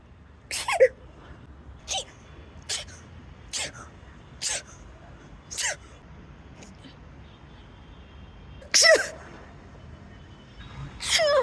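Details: Comedic imitation of different types of sneezes: a run of about eight short, sharp sneeze-like bursts of varying force; simulated sneezing.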